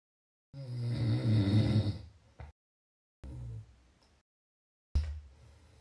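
Low rumbling, fluttering snore on a breath in, followed by quieter breathing sounds; snoring.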